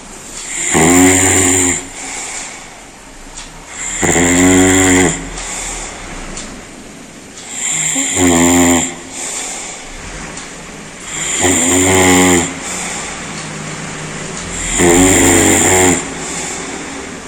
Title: World's LOUDEST HUMAN SNORING SOUND